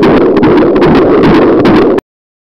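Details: Fetal heartbeat in the womb heard through a fetal Doppler during pregnancy: a dense, fast pulsing whoosh.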